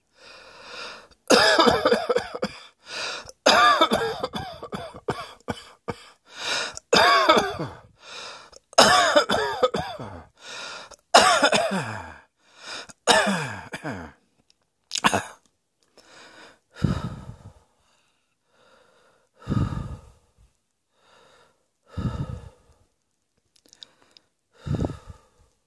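An adult coughs in a rapid run of harsh bursts, then in single spaced coughs.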